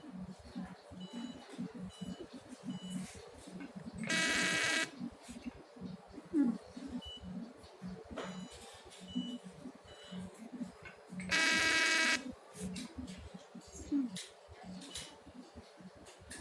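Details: Two long buzzing tones with short electronic beeps between them: a CO2 fractional laser firing during an operating demonstration.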